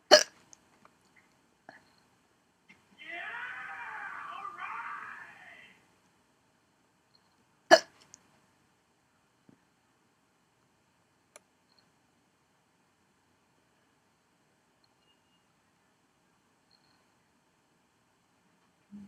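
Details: Hiccups: sharp, abrupt sounds at irregular intervals with a brief breathy vocal sound between them in a quiet room.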